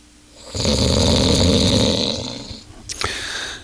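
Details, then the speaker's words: Adult man asleep in hotel room, one long very loud harsh rattling snore of about two seconds followed by a short snort; heavy snoring. "as you can see this is uh obviously pretty disturbing if you're trying to sleep"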